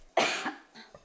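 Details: Adult sick about a week with dry throat, sometimes painful at night, now coughing more: one dry, harsh cough burst, then a softer after-sound and faint breath.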